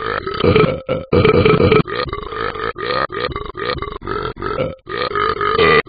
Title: Talking Ben burps